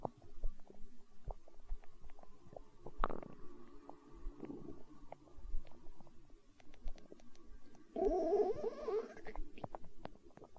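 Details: Stomach growling (borborygmi): low gurgling rumbles with bubbling and squeaky bursts from gas and fluid moving through the gut.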